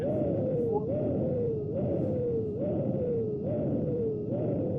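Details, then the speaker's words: Stethoscope auscultation of a dialysis AV fistula: a continuous whooshing bruit with a sharp, high-pitched whistle rising with each pulse, about 71 per minute; a sound that turns sharp or changes suddenly may point to stenosis. "as you move your stethoscope from one p one area in the fisher to another area the sound suddenly changes. That is a sign that could point to a stenosis."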